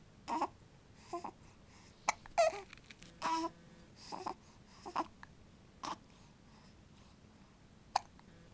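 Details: Baby: short, abrupt catching sounds recurring at irregular intervals among soft fussing noises; hiccups.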